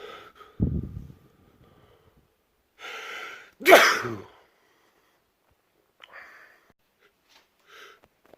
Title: World Loudest Sneezes